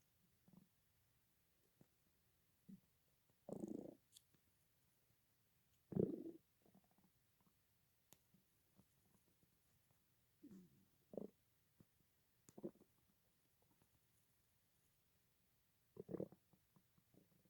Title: Betty Rubble's stomach rumbling